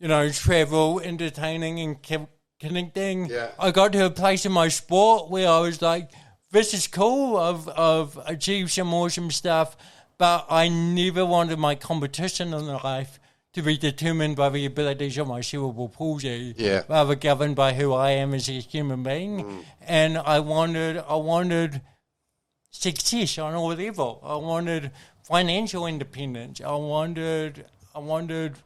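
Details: Adult man with congenital cerebral palsy, a brain injury from oxygen loss at birth, thinking unaffected: mild dysarthria (cerebral palsy).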